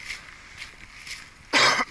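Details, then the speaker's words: Adult hiking outdoors in January, recovering from a cold a few days earlier with a lingering croupy cough: a single harsh, loud cough burst. "Excuse me, I am coming off a cold I had a couple days ago. It's still got a lot of the croupy stuff going, but I'm feeling pretty good. I'm back to normal health-wise, but that damn croup kind of hangs on a couple days, so pardon if you hear that croupy cough."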